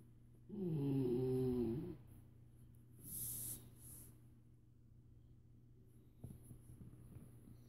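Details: Dog snoring while asleep: a single drawn-out, fluttering snore with a whistling edge, then softer breaths and faint room hum.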